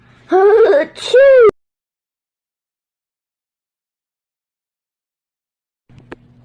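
Two short rising-and-falling wails from an infant, then silence with a faint click; a brief infant cry.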